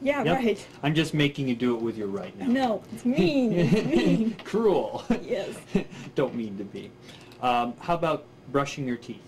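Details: Adult speaker, examiner giving instructions; ordinary conversational speech.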